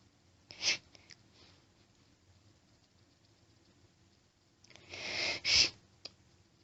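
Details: Female allergic sneezing fit: two sneeze bursts, the second with a brief hitching buildup and quick double sneeze, in a quiet small room.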